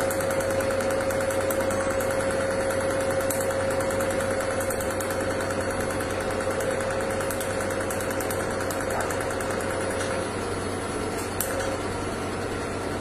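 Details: Rapid, steady clicking pulses over a constant machine hum and faint tone as an Enlighten PICO picosecond laser fires repeatedly during tattoo removal treatment; laser device firing.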